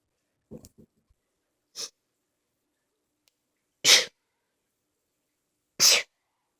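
Several short sneezes, with two loud hissing sneezes near the end after smaller build-up sounds. A sneezing fit.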